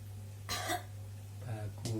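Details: Simulated effective-cough demonstration by a nursing student: after deep breaths, postural drainage and back patting, two short deliberate coughs over a low room hum, meant to clear secretions.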